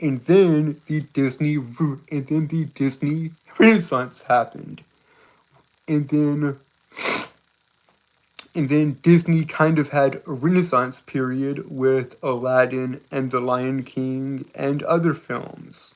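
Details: Male speaker with a self-reported speech impediment causing stuttering.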